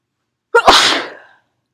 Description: sprayed some perfume and sneezed away, nose blow in the middle.